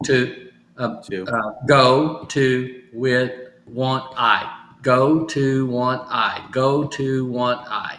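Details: Adult stroke survivor with aphasia (post-stroke), in recovery and doing home therapy practising phrases from sticky notes; aphasia.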